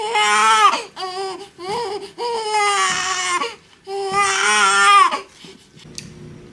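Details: Newborn boy in his first 24 hours in hospital, around his first bath: loud, rhythmic crying in repeated wails with short gasping pauses, fading to soft fussing; normal vigorous newborn cry.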